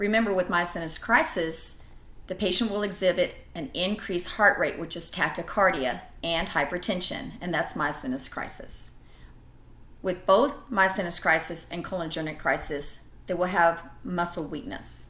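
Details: Adult woman speaking; normal speech.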